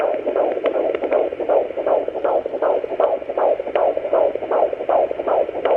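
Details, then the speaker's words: Fetal heartbeat at 17 weeks pregnant, heard at home with a pocket fetal Doppler on the lower abdomen: rapid, regular whooshing galloping sound, about 155–160 beats a minute. "and I'm going to start over there what you're looking for it's a galloping sound"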